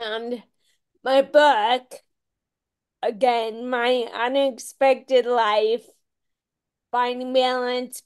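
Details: Ataxic dysarthria in a woman with Friedreich's ataxia, a rare, genetic, progressive disease diagnosed at age 16; she reports longstanding voice issues.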